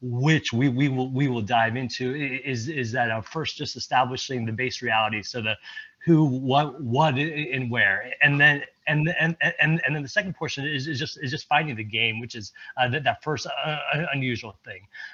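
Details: Stuttering in a presenter at a stuttering-community event, speaking during an improv presentation; repetitions heard.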